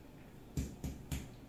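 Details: Resonant (sonor) percussion note over the anterior lung fields, percussed systematically from top to bottom comparing left and right, during a physical lung examination of an adult male patient; normal finding.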